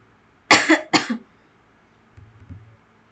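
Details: Two quick, harsh coughs from an adult speaker who reports being unwell with a sore throat and coughing throughout the recording; a plain cough in a quiet room.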